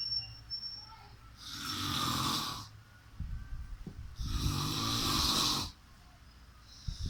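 Loud, rough snoring on two slow breaths, each rattling for over a second, with quiet pauses between.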